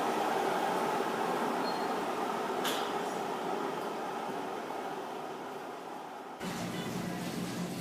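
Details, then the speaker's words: Loud, steady rushing airflow with a shift in tone near the end: ventilation of the negative-pressure gas (low-temperature) sterilizer room in a hospital sterile processing department; room ventilation noise. "and here's the actual sterilizer yes we can go in our gas machines are under ventilated negative pressure room for safety"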